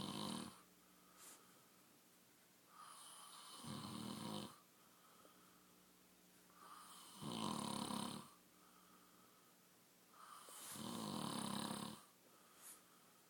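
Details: Sleeping man: regular loud snores on each breath, about four breath cycles in 13 seconds, roughly 18 a minute, with quiet pauses between; typical snoring.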